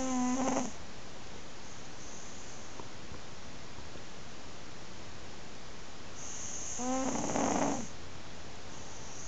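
Two low, buzzing snores about six seconds apart, with a faint steady hum between them. Ordinary snoring in a cat.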